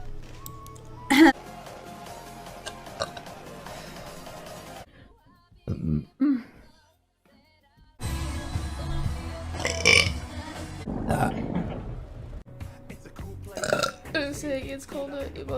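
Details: Young woman livestreamer burping: a few loud throaty belches break through background music and room noise.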